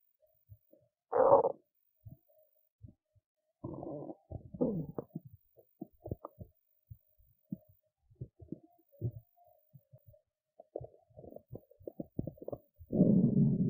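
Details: Belly sounds after a skipped lunch, with hunger: irregular gurgles, squeaks and longer rumbling growls in a quiet room. Hunger rumbling of an empty stomach (borborygmi).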